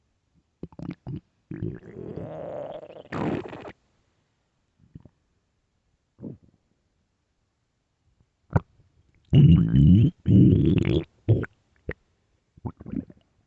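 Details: Loud, irregular gurgling and rumbling bursts with quiet gaps, from a hungry stomach: borborygmi (stomach growling).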